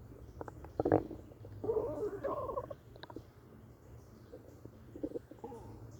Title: Stomach noises